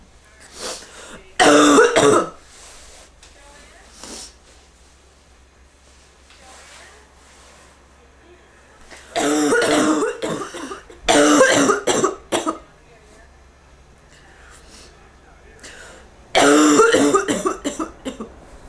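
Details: Adult with bronchitis coughing harshly and forcefully in four separate bouts with quiet gaps between; a bronchitis cough.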